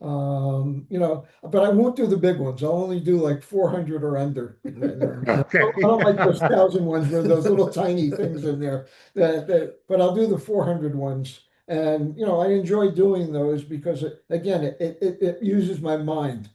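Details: Adult man with aphasia after stroke, about nine years post-stroke, still in weekly speech therapy; aphasia.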